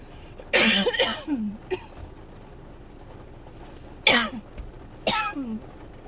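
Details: Harsh dry coughs in two bursts, about five in all, with short pauses: a painful dry coughing fit in someone who woke up coughing, has barely stopped, and is getting sick.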